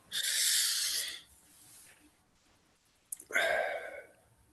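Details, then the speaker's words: Two harsh, hissing bursts of forceful throat clearing, hawking up phlegm to spit it out. "Il y a des glaires qui ont besoin de sortir encore."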